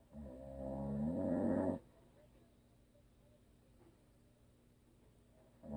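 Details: A long, loud, rumbling and buzzing snore fading into quiet breathing, the next snore starting at the end, from a husband who habitually snores; audio only.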